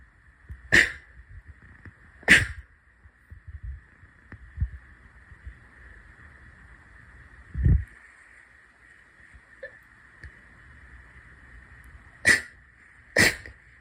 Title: sneeze 31-40